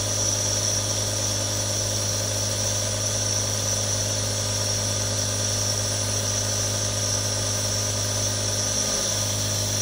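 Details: Real recording of three different nebulizers for relaxation ASMR: a continuous low motor drone with steady airy hiss of aerosol flow and no interruptions, a nebulizer running normally.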